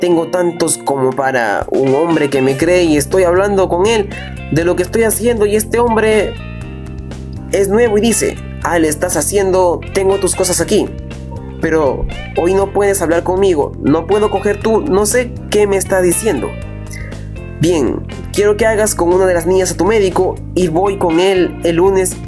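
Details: Acted or read demonstration by a narrator of Wernicke's aphasia (fluent aphasia with paragrammatism) from damage to Wernicke's area in the left temporal lobe; Spanish-language answer to a therapist's question, with probable semantic paraphasias and altered word order.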